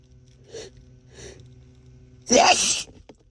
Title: Really Strong Sneezes